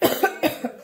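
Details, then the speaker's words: Adult with a lingering cough after a week and a half of family illness, feeling run down: a quick run of about four short, moderately loud coughs. "Get rid of this cough because it's the worst. That's the worst part of it."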